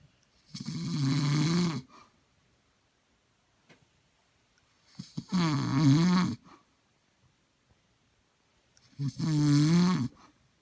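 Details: Three loud, rattling snores on inhalation with quiet pauses between, about 16 breaths a minute; ordinary snoring.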